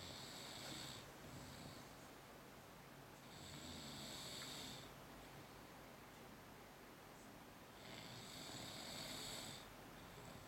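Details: Imitated snoring performed as a special talent: three rough, hissing inhaled snores about 13 a minute, made awake rather than in sleep, over steady room noise.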